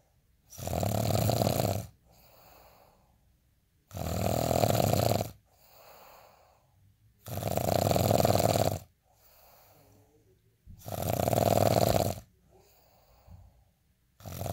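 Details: Person asleep: loud, rasping snores on each inward breath, each followed by a softer outward breath, about 15 breaths a minute; heavy, regular snoring.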